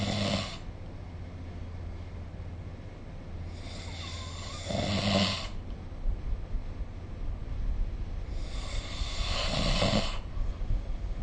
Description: This is the sound of snoring recorded using SnoreLab : Record Your Snoring https://apps.apple.com/jp/app/id529443604